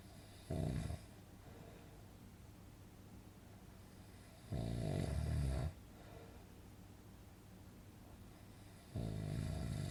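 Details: Relaxing snoring sound effect for sleeping: repeated rough, rattling snores roughly every four seconds over a steady background hiss.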